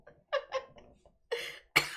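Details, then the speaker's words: Cough from a hoarse-voiced adult who says they are really sick and on a lot of medicine, speaking during a livestream art lesson. "I'm just really sick and I'm on a lot of medicine."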